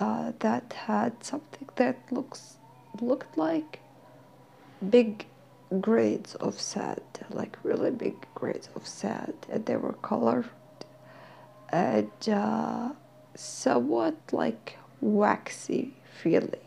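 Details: Dysphonia in a woman who is slowly regaining her voice and describes an occupational therapy exercise. She says she is hard to understand.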